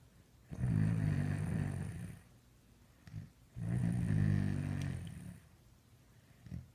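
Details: Two long, rumbling snores on breathing in, with short soft breaths out between them, in a quiet room; snoring.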